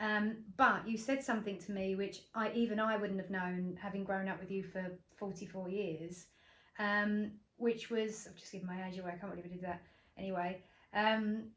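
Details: Adult woman; Normal fluent speech.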